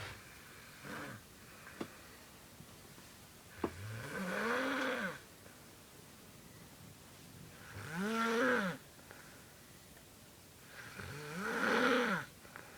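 Three long, loud snores with an unusual rising-and-falling, almost sung pitch, about every four seconds; snoring.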